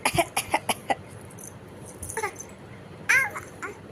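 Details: Voluntary fake cough from a 5-month-old baby, prompted by a parent asking the baby to cough: a quick run of short, soft, playful cough-like huffs.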